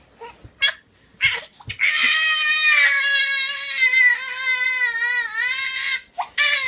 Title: see how this mom will stop her baby crying